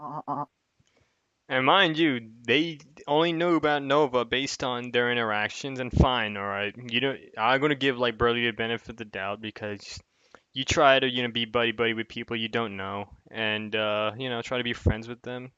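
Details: Adult male speaker; ordinary speech.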